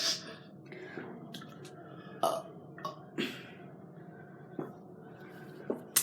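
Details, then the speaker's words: Several short, gurgling belches in a quiet room, a few louder and rougher than the rest, from people deliberately trying to burp after drinking; ordinary burping. "Oh Michaels you try huh I just burped my biggest burp ever did you not see it"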